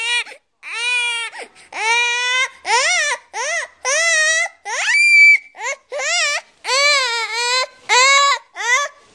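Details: Young child crying in repeated high-pitched wails and whimpers with short gasping breaths, appearing scared and unwell; when mother asks whether tummy hurts, child says yes; mother suspects GI problems.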